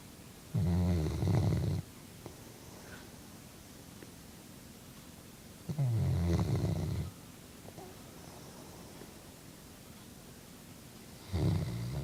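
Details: Chocolate Labrador dog asleep: deep, rumbling snores at slow, steady intervals, about 11 a minute, with quiet breathing between; snoring, getting louder over time.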